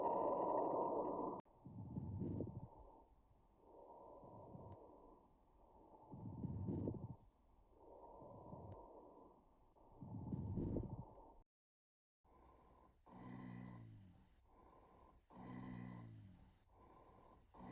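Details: Adventitious lung sounds heard through a stethoscope: muffled breath cycles, then musical whistling sounds riding on each breath, added to normal breath sounds, consistent with wheeze.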